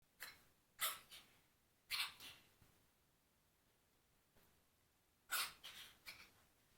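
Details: Repeated coughing in Sam, worrying the owner: several short, harsh, breathy bursts in clusters of two or three in a quiet room, consistent with a dog's coughing.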